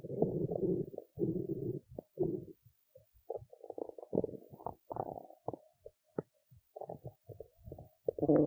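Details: Adult woman who skipped lunch and is hungry: repeated low gurgling rumbles and short squelchy bursts with brief quiet gaps from the belly; active bowel sounds, hunger rumbling.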